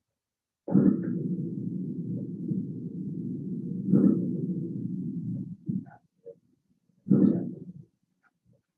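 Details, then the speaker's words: Simulated on a teaching manikin: coarse, bubbling crackles at the start of each inspiration, typical of bronchitis and able to change or disappear with coughing. Coarse early-inspiratory crackles. "¿Se escuchan los estertores de grueso en inspiración, en principio? Por eso traducen bronquitis."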